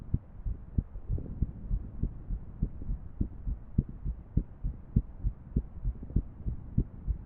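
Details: Female irregular heartbeat, paired with a 3D heart model: low, muffled thumps with uneven spacing and occasional extra or early beats over a faint hum.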